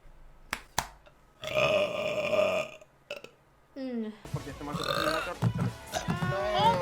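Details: Compilation of female streamers burping during Twitch streams: several short clips, including a long, loud, rumbling belch and shorter burps, with speech and room sound between; one burp blamed on fruit.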